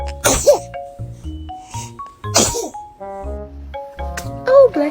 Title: Cute moments when baby sneezes #funny #maxl #funnybaby #youtube #baby #babymario #little